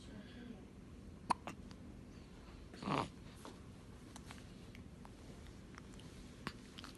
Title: Cute Newborn Baby Funny Hiccups